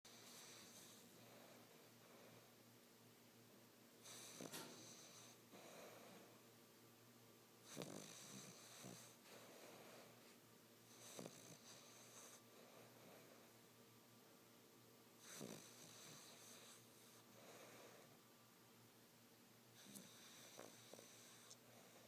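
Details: Soft, snorting snores at irregular intervals over steady background hiss; snoring during sleep.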